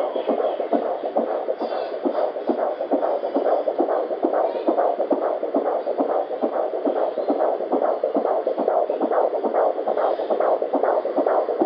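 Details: Doppler at 18 weeks of pregnancy: rapid, regular whooshing fetal heartbeat at about 140 beats a minute over steady Doppler hiss.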